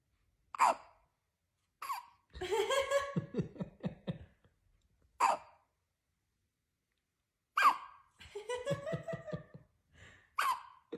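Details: Newborn twins both hiccupping: short, sharp hiccup squeaks, about five in eleven seconds, between soft fussing and grunting baby sounds; hiccups.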